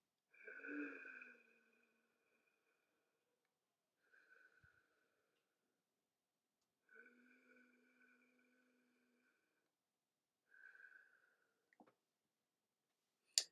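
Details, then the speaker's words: Simulated inspiratory stridor in a talk on tonsillitis and quinsy: drawn-out, whispery, high-pitched breaths with a prolonged respiratory cycle, from obstruction not at the vocal-cord level. "Stridor will make a completely different, quieter sound and may even just present as prolongation of the respiratory cycle. So this sounds more whispery, such as or even just on inspiration."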